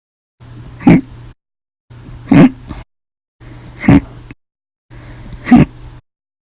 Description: 8/6/19, Violent, Loud, Silent, Minute Hiccups after Breakfast, Lunch, and Dinner Audio Only